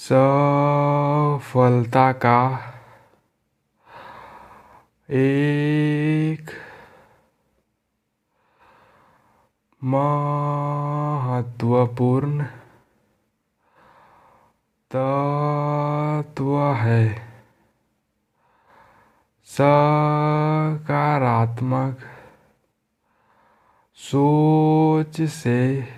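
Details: Adult man who formerly stammered and still uses the air-flow technique daily, reading aloud: inhaling first, speaking on the exhale, long breath pauses between phrases; fluency-shaping (air-flow) technique for stuttering.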